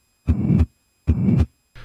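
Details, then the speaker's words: Severe aortic stenosis on the SAM auscultation manikin at the aortic area: a harsh murmur throughout systole with late peaking, about 73 beats a minute. "note that the murmur is throughout syy with late peaking ending at"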